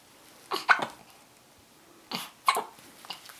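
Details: Infant with hiccups: two pairs of short, sharp, high-pitched catches about a second and a half apart.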